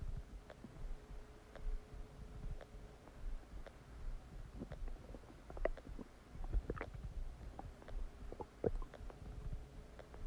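Frequent irregular gurgles, squelches and pops from the belly; active bowel sounds of normal digestion after a meal.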